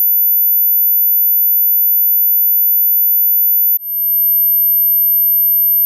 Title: Test your hearing ability | Hearing test | frequency